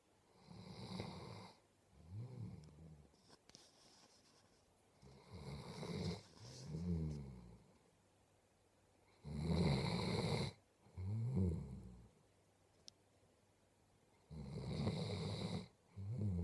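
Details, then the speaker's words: Maximus, a sleeping dog, snoring steadily: each breath a rough in-breath followed by a rumbling, fluttering out-breath. "you are a big snoring lump you are a big snoring lump yes you are you"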